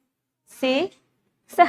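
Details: Voice clip presented in a lecture on vocal fold paralysis; high-pitched voice, identified as paralytic falsetto.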